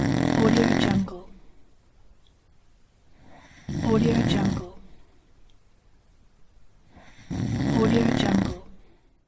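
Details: Three loud, rough, rattling snores about 3.6 seconds apart, roughly 16 breaths a minute, with quiet exhalations between them; snoring compilation clip.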